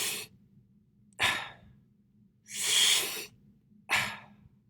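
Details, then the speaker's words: Imitated mechanical ventilator breath showing an inspiratory pause: a quick breath in, a silent hold at end-inspiration while pressure holds with no airflow, then a longer breath out. "you get this funny thing called an inspiratory pause which i've shown with the star here where the vent is still giving positive pressure administering it but there's no airflow happening"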